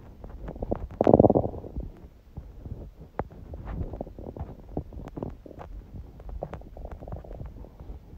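Gurgling, bubbling rumbles and small pops from the belly, one louder growl early on. Ordinary hunger bowel sounds.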